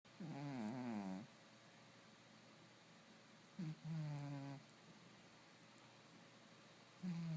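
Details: Julian, a sleeping pet cat, snoring in his sleep; the owner notes he snores all the time.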